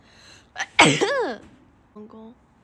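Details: Asian girl sneezing: a quick breath in, then one sharp, explosive sneeze with a falling voiced trail, followed by a brief short vocal sound.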